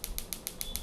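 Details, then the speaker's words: Demonstration of a shockwave therapy device for erectile dysfunction, with an applicator used with gel and adjustable speed and power. Rapid, evenly spaced sharp clicks, about seven a second, come from the applicator firing. "and once we start shock waves this is very simple and there is a button here you can hear the sound and this is to improve and uh increase and decrease increasing decrease the speed and power now"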